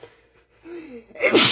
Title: (M) The CEO of Sneeze would like to address the public